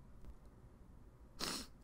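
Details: Simulated, voice-acted sneeze by a character in an animated parody, mocked as sneezing femininely: a single short, hissing burst of air after quiet room noise.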